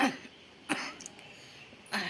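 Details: Woman with a heavy cough and chest infection, coughing through the night with breathing difficulty and possible pneumonia needing admission: three short, harsh, irritated coughs in a small room.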